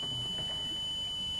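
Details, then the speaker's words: Steady, piercing high-pitched pitch-matching tone played during audiometry to match a man's tinnitus; audiogram shows a high-frequency deficit on both sides from noise trauma. "voilà donc est-ce que votre bruit ressemble à ce bruit là Monsieur c'est plus bas comme ça c'est mieux ouais ça ressemble à ça ouais et si je vous envoie ce type de son non non"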